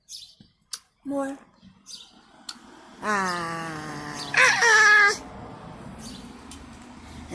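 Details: Severe expressive speech impairment with non-word vocalization in a 4-year-old girl with Pierre Robin sequence, two years after jaw distraction and tracheostomy; she cannot make sounds that involve tongue movement, has a very small vocabulary, and communicates by pointing, yelling and signing.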